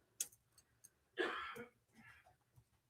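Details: A single faint, distant cough from another room, with small ticks and clicks in a quiet room.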